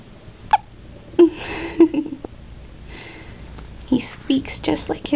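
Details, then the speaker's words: Newborn baby with mild jaundice, lying by a sunny window, has hiccups: brief, sharp, irregular catches in his breathing, with faint soft baby noises between them. "This is, and he has the hiccups right now for the first time, I think. There it is. That's the cutest little hiccups."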